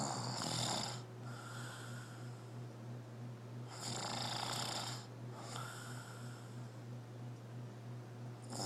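Two loud rasping breaths about four seconds apart over a steady low hum; snoring during sleep.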